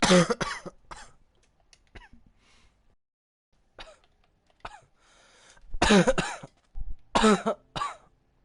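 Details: Coughing fit described as barking: a run of harsh, forceful coughs with throat clearing between bursts.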